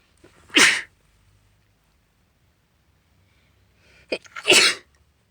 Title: Sudden sneezes into a hanky (F)